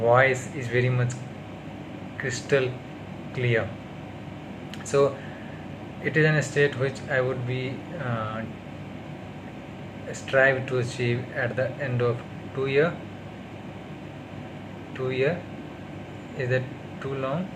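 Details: Stuttering in an adult man on day 38 of speech therapy.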